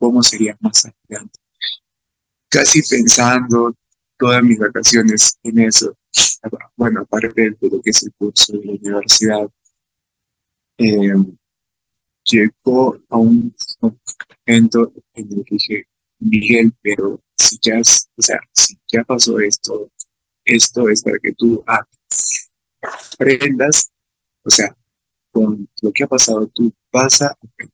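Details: Adult man with real stuttering, speaking Spanish about his own experience, who reports fear of stuttering when participating in class; stuttering.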